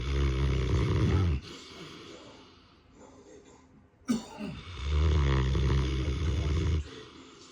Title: My Saint Bernard snoring So Loud 😂